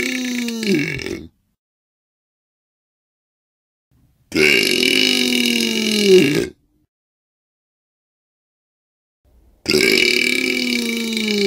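Three long, loud, throaty belches with silent gaps between them; repeated burping.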